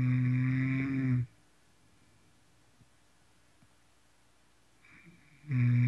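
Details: Snoring: a loud, low rattling snore on the breath in, a quiet pause, then a second snore starting.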